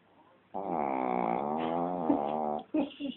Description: funny of my shih-tzu snoring like hell!